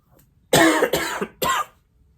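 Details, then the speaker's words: Man sick for days with a recurring cough that keeps coming back despite feeling slightly better: three harsh cough bursts in quick succession in a quiet room. "see every time i think i get rid of this cough but nah it comes back like the [ __ ]"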